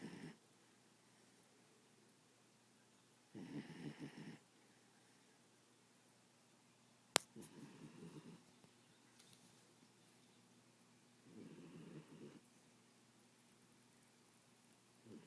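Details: Sleeping pitbull snoring; owner says she snores much louder than this recording shows. Three slow, soft rasping breaths several seconds apart with one sharp click; gentle snoring.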